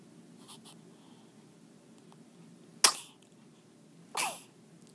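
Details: A 1-day-old half-Chinese newborn baby gives two small, sharp sneezes a little over a second apart in a quiet room; sneezing.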